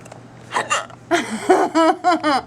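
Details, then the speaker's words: A young woman with hiccups trying to stop them: repeated short, abrupt voiced catches in quick succession, several within two seconds. "let's see if I can stop the hiccups"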